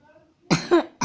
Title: игра сори за кашель :))))